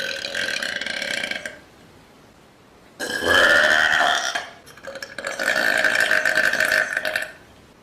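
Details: Woman on a couch: three long, loud, drawn-out burps in a quiet room; belching.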